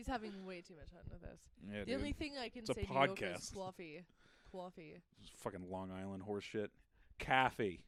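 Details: Adult man speaking; no speech disorder.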